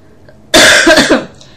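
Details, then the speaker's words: Woman with a cold, likely caught from a sick coworker, continuous coughing and a painful throat: one loud, harsh cough burst with a short rough tail in a quiet room. "So so the cough hit me hard today, and I just kept coughing continuously at my other job, and my whole throat just is in pain."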